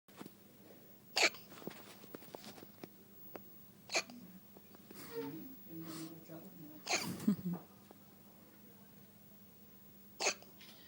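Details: Infant girl's first hiccups: four brief, sharp hiccups spaced a few seconds apart, with soft baby sounds between them and a faint room hum.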